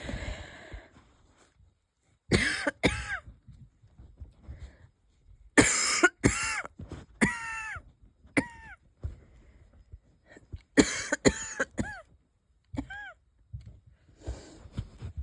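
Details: Wheezy cough in a person unsure whether it is a cold or an asthma flare: light coughs in short pairs and runs, some with a thin whistling tail, plus a couple of stifled sneezes.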